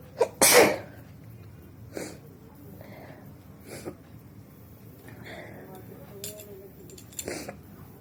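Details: Repeated forceful sneezing attempts, nose blowing part 2; one sharp sneeze burst then quieter breathing, eyes watering, managing about five sneezes while trying for twenty.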